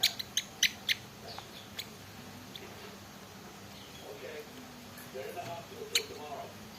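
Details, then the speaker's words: Pleci (white-eye) songbird with hoarseness ("serak batu") and cough, being treated with drops by its owner: sharp, tiny click-like bursts, a quick cluster then scattered ones, consistent with coughing. "burung serak caranya supaya seratnya hilang melihat serak batu kita akan sembuhkan dengan cara seperti ini"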